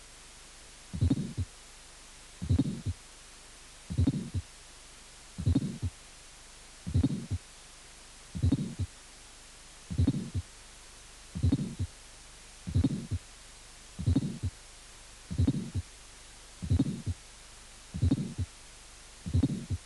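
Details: Severe aortic stenosis: slow regular heartbeat with fourth heart sound, long harsh ejection systolic murmur, and small second sound with reversed (paradoxical) splitting of the aortic component.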